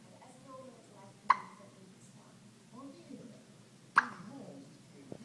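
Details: Hiccups in a 1-week-old baby: two sharp, abrupt gulping sounds about three seconds apart in a quiet room.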